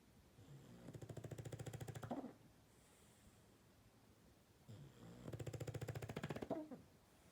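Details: Sleeping English bulldog: two loud, rattling snores, each lasting over a second, with quiet pauses between; coarse fluttering noise on breathing in, typical of snoring.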